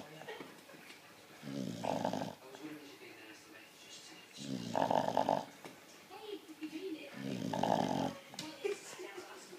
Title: Sasha the bulldog snoring